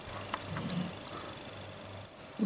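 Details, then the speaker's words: Soft, low rumbling snores from sleeping dogs, faint against quiet room noise; ordinary snoring. "kızlar horlamaya başladılar ben dinleyin"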